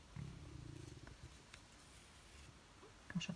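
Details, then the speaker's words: Low, gurgling rumble lasting about a second, then faint room noise, from an adult's belly during a sewing demonstration; ordinary stomach rumbling (borborygmi). "get my tummy rumbling then I hope you couldn't hear that"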